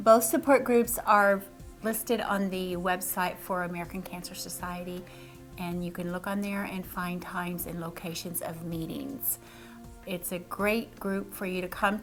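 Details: Adult woman speaking; normal voice.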